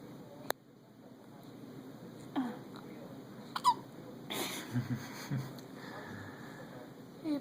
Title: 2 months premature, has the hiccups and all smiles